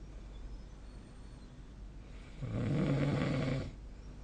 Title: 🐽 いびきの音 / Snoring Sleep Sound 2025/05/21